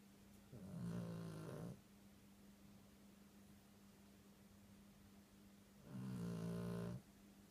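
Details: Tired snoring: two long, buzzing snores about five seconds apart, roughly twelve breaths a minute, over a steady background hum.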